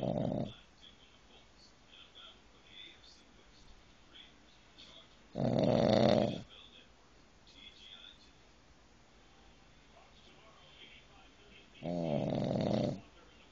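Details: Dog sleeping and snoring loudly: rough snores about one every six seconds, with quiet breathing in between.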